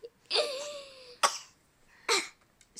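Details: Infant boy fakes a cough: drawn-out vocal sound then two short, sharp cough-like bursts, a playful imitation cough.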